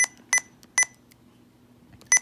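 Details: Four short, high electronic keypress beeps from a Sapphire IV infusion pump as the infusion rate is entered and confirmed during programming; a normal keypress sound.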